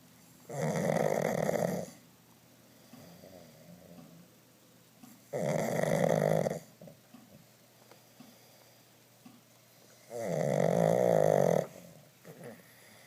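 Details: Two pugs (dogs) sleeping: loud rattling snores in regular bursts about every five seconds, roughly 13 a minute, with quiet breathing between; snoring.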